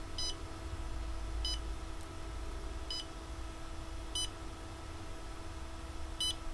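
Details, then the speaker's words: Pulse oximeter's pulse beep turned on from the settings menu of a fingertip pulse oximeter worn on the finger: short electronic beeps, one per heartbeat, about 54 a minute, over a steady room hum. "that's beeping on your pulse that's kind of cute isn't it sounds a bit medical when you're doing that doesn't it"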